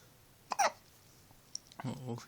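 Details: A sudden sharp hiccup with a brief voiced catch, followed by a short vocal sound; hiccups.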